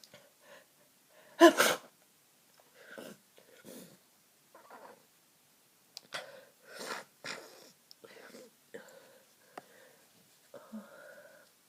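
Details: Sneezing on day 3 of a cold with a blocked nose, the person feeling very ill: one loud sneeze, then softer snuffly breaths and a second, weaker, congested sneeze.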